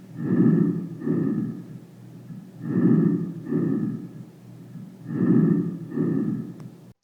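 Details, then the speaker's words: Normal breath sounds from a simulator through a stethoscope: soft, regular paired inhale-exhale cycles at about nine breaths a minute, in an adult chest auscultation lesson. "los ruidos normales se generan en las vías aéreas centrales o proximales y se transmiten filtrados hacia las zonas periféricas estos ruidos normales son ruido traqueal bronquial bronco vehicular y vehicular"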